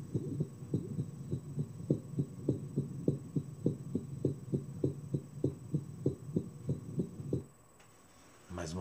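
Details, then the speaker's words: Dynamic auscultation: fast, regular heartbeat near 102 a minute with a loud, long systolic murmur between S1 and S2 that becomes much more intense as the patient moves from squatting to standing; hypertrophic cardiomyopathy. "vez o aumento da intensidade muito significativa do sopro"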